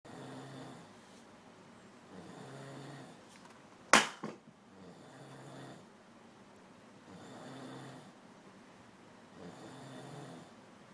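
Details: Simulated snoring of an ogre in a film scene: slow, regular rasping snores, about five breaths a minute, interrupted once by a sharp loud impact.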